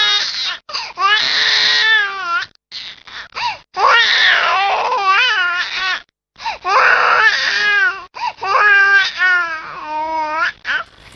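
A baby cries in drawn-out, wavering wails broken by short gasping pauses, a tired cry in Dunstan terms.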